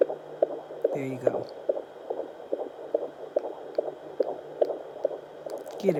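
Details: Fetal heartbeat, hard to find at first, via home Doppler: quick, fairly regular soft thumps about 140 a minute, with brief background talk.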